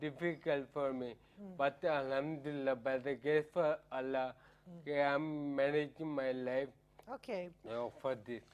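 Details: Adult man with ataxia for about 10 years, which affects coordination of speech and tongue muscles, causing slurring and disturbing his speaking; ataxic dysarthria.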